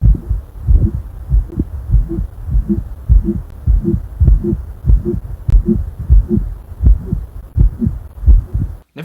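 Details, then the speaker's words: Tricky heart murmur: a regular heartbeat at about 95 a minute with an added whooshing sound between beats. "we're going to put your knowledge to the test with two tricky heart murmur"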